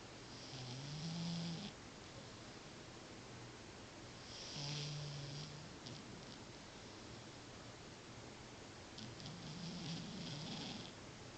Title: Mista Kitty Snoring